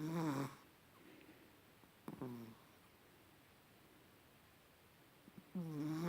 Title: My chihuahua is snoring